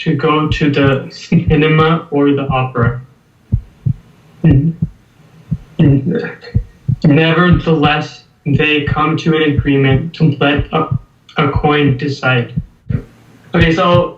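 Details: Stuttering (stammering) in a 19-year-old male US college student reading a passage aloud. He has stammered as long as he remembers, and the problems reportedly began at age 8 after adenoid removal. His blocks occur mostly on m and b sounds.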